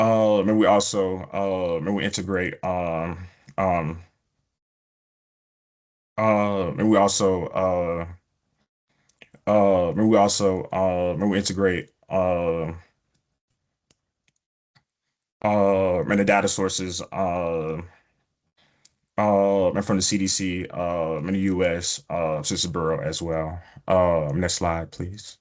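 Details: Stuttering in an adult male epidemiologist who says he stutters, with prolongations of words or sounds, blocks and repetitions.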